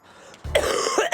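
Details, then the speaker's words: Cough in an adult woman with a persistent cough since 2018 and coughing attacks that make talking hard: a single short, harsh cough, close to a throat clearing. "The last time I remember not feeling sick with my cough was 2018. It's literally hard to like, talk or do anything 'cause I'm having coughing attacks."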